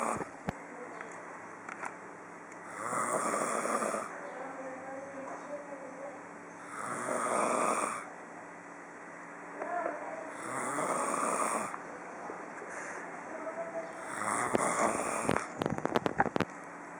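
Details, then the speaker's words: Father snoring in sleep, set off by a poke: loud rasping snores on four in-breaths, roughly 15 a minute, with quiet breathing between; ordinary snoring. "meu nome é Carolina e hoje eu vou mostrar meu pai roncando. E só de dar um cutucãozinho nele, ele já dá um roncão."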